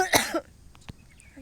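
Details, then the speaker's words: Adult woman still sick with a hard, persistent cough that she says is not a cold: one short, forceful, harsh cough, followed by near silence in a quiet room. "It's just I'm still sick like coughing so hard. It's not cold. It's the cough that is killing me."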